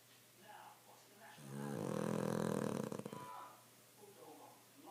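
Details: Cavalier dog Milly snoring loudly: a single long, rattling, growl-like snore on the in-breath, with soft breathing before and after; snoring.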